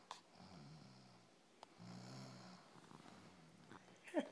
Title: snoring